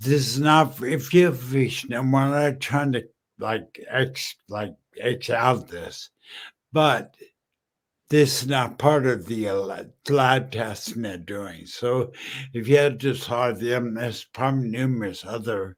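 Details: Male stroke survivor 14 years after a stroke from a brain aneurysm, totally mute at first, who uses slowing down and over-articulating as strategies; post-stroke dysarthria.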